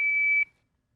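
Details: A single clear high-pitched electronic beep, about half a second long, from an FRx AED trainer switching on during an orientation demonstration.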